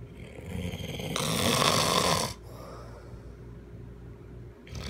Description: Very very very big snoring. / Every night I need my husband snoring.